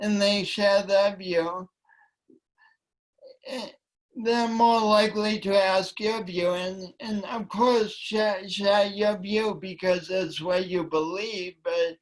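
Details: Woman with a long-standing speech impediment affecting her voice and coordination, which she denied for years; speech impediment (disfluent speech).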